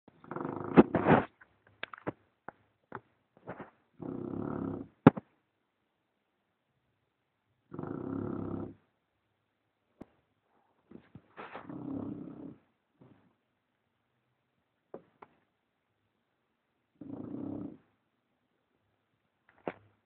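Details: A sleeping English bulldog snoring: rumbling snores about four seconds apart, roughly fourteen a minute, with small snorts and clicks between them.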